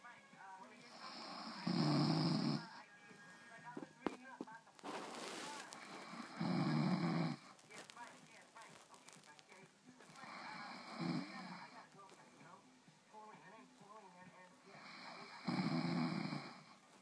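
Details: Woman snoring after drinking some Disaronno: loud, rough inhaled snores about every five seconds with quieter breathing between, with faint background sounds; regular snoring during sleep.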